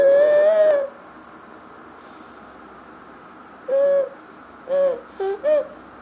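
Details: Inspiratory stridor in a 1-year-2-month-old baby with bilateral vocal cord paralysis: high-pitched, crowing noisy breaths from vocal cords that cannot fully open or close.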